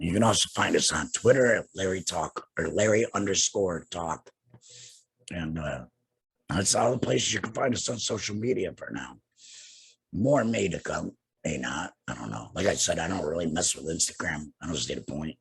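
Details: Adult man two years after laryngectomy for cancer, using a heat and moisture exchanger and speaking without a larynx; alaryngeal speech after laryngectomy.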